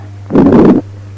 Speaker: Pericardial rub just inside the apex with a rough grating sound with presystolic and systolic components.